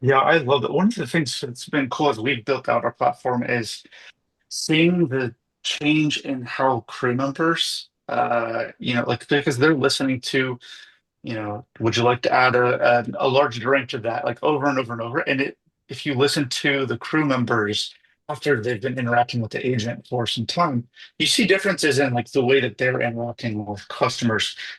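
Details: Adult male speaker; ordinary speech.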